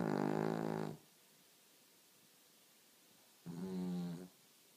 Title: Snoring Dog